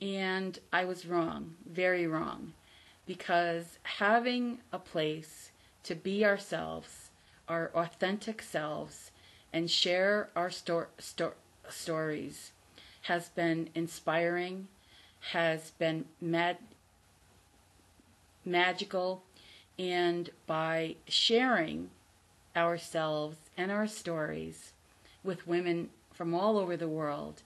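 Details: Adult woman from the United States, a self-described person who stutters and former covert stutterer; she says she has recovered from the fear of stuttering but still stutters audibly; stuttering.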